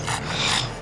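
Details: Brief harsh, snorting noisy breath from a bulldog that struggles to breathe on walks, with music faintly behind it. The dog shows signs of brachycephalic obstructive airway syndrome (BOAS) and nasal surgery is recommended: stertor from an obstructed upper airway.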